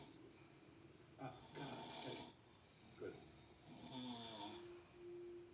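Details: Two long raspy hissing snore breaths with a whistling out-breath; a theatrical, acted snoring sound.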